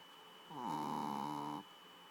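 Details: Adopted female dog whose loud snoring keeps the owner awake: a single drawn-out, buzzing, tonal snore lasting about a second over a faint steady hum; snoring in her sleep.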